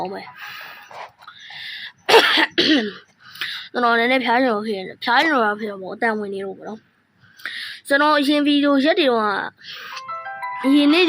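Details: An adult man gaming on camera says his voice is hoarse and his whole body feels hot; he gives about two short coughs and clears his throat between bursts of speech; a cough.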